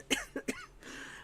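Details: Three short coughs in quick succession from an adult who is currently sick, congested and nasal-sounding and barely able to talk, recorded in a small room; cough.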